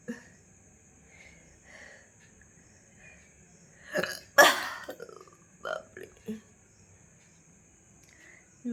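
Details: Burps after eating a large luchi, with a gurgling feeling in the throat: several short gulping burps and throat sounds in a quiet room with a steady high background tone; ordinary belching.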